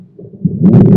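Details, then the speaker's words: Lung auscultation teaching recording, heard in both inspiration and expiration, linked to thick sputum on bronchial walls as in bronchitis: low-pitched continuous rumbling snore-like sound growing louder; rhonchi. "โอเคอีกครั้งหนึ่งเนาะลองคายซาวจะได้ยินทั้งการหายใจเข้าและการหายใจออกนะฮะ"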